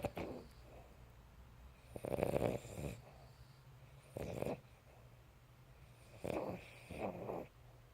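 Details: Sleeping dog snoring: rough, fluttering snores in separate bursts, several per breath, in a quiet room.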